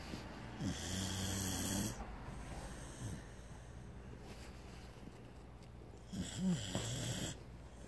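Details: Very loud snoring from a sleeping dog: low rattling snores on two breaths with quieter breathing between; ordinary snoring.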